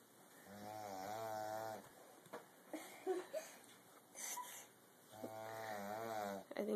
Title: Grammy snoring